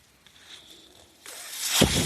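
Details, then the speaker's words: Breath from a podcast speaker's own mechanical ventilator, heard while he talks: mechanical ventilator breath cycle. "That noise you're hearing is my ventilator."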